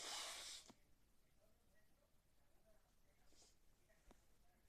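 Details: Sneeze: a single sharp, hissing sneeze burst, followed by quiet room noise and faint rustling.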